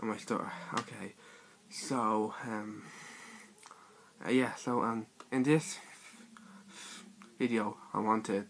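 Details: Stuttering (stammer) in a male speaker describing his own speech in a personal series.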